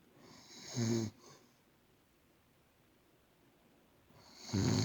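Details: A grandmother snoring in sleep: two loud, low, rattling snores separated by a quiet pause.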